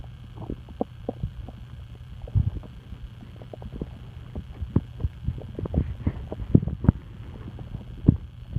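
Irregular soft clicks and gurgles over a low steady hum: ordinary stomach rumbling from gas and fluid moving.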